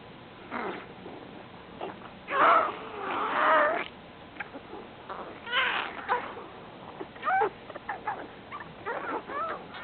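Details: Loud, squeaky, gurgling and moaning stomach and intestinal rumbles in irregular bursts from a sleeping Golden Retriever, about 12 years old; owner thinks it is indigestion and likely normal; borborygmi.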